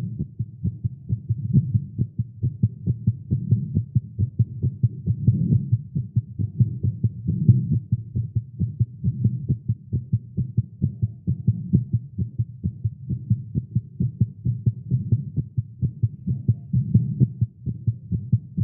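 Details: Male heartbeat recorded live after exercise and caffeine: steady, rapid low thumping at roughly 130 beats a minute, tachycardia (tagged irregular heartbeat).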